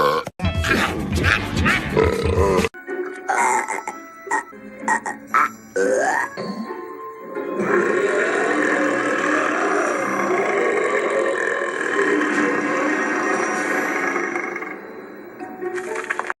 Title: Teen Titans Burp Compilation | Female